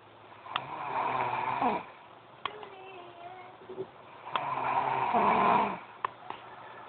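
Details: Girl snoring loudly: two long rattling, tonal breaths a few seconds apart with quieter breathing between; snoring.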